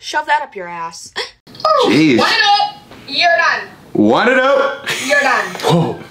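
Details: Repeated involuntary vocal tics in severe Tourette syndrome.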